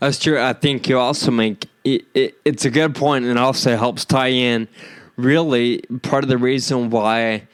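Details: Real male patient with Friedreich's ataxia diagnosed at age 25, causing slurred speech that sounds drunk although he is not; ataxic dysarthria.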